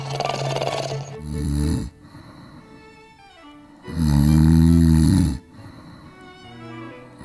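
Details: Snoring from a man with 20 years of snoring, monitored for sleep apnea; his sleep study showed a near one-minute breathing pause and no deep sleep.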